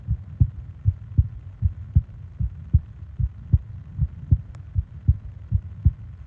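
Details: ASMR sleep-aid recording of heart and breathing sounds: steady, regular heartbeat at about 77 per minute with soft low thumps; an ordinary resting rhythm, a normal heartbeat.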